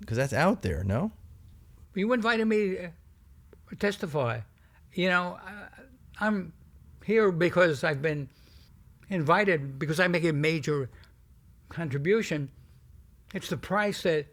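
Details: Adult man who stutters, sometimes noticeably, described as a pretty strong stutter whose severity varies; stuttering.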